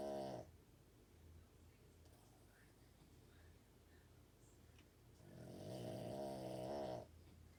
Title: Dog snoring ridiculously loud 🐶